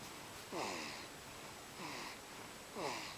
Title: Baby Snoring - there is something peacefull about this